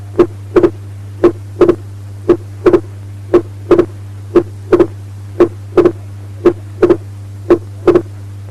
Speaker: Atrial septal defect, wide and fixed splitting of S2.